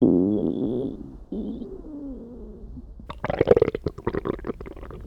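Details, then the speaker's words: Low, drawn-out gurgling groans, then a burst of bubbly popping from the stomach and bowel, described as a sign of healthy digestion: normal borborygmi (bowel sounds). "Des bruits étranges, parfois embarrassants, mais surtout un signe de santé intérieure."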